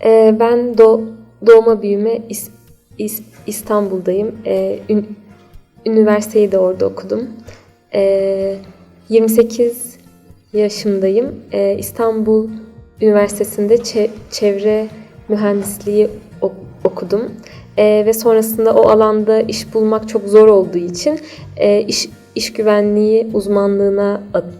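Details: Stuttering in a 28-year-old woman.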